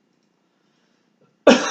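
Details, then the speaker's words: Adult during a nutrition-focused physical exam, asked for a big deep cough to screen for early signs of dysphagia: a single strong, abrupt voluntary cough after quiet, judged a good cough. "All right, good, and we're just screening for dysphagia, early signs of it or anything. So that sounded like a good cough."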